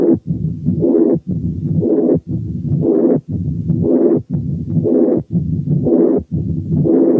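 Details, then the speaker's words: Double mitral lesion with dominant mitral regurgitation and a calcified mitral valve: soft first sound, no opening snap, pansystolic and mid-diastolic murmurs filling nearly the whole cycle, regular at about 60 a minute. "بعد كده نسمع حالة تانية double mitral lesion فيها dominant mitral incompetence وcalcification of the mitral valve، فالفيرست ساوند ضعيف ومفيش opening snap وبس مسموع pansystolic murmur وميد diastolic murmur."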